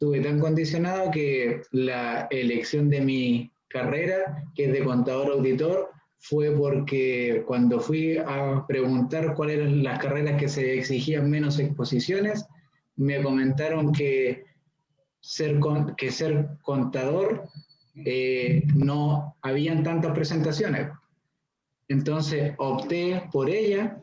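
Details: 41-year-old man who stutters; stuttering.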